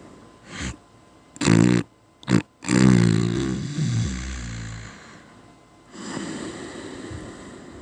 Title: Quiet snore